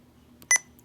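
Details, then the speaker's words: Sapphire IV infusion pump in-service training (ambulance district): one short high electronic beep confirming a touchscreen keypress, over faint room noise; device keypress beep. "is it weight based yes or no if not you'll hit no and you'll just choose the dose rate"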